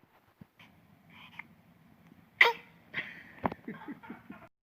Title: de sing makes me sneeze..... .-.